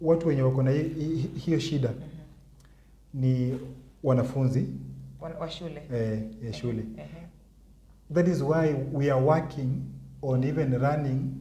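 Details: Adult man with stuttering (stammering) that he says was severe in primary school; he has worked to improve his speech impairment; stuttering (stammering).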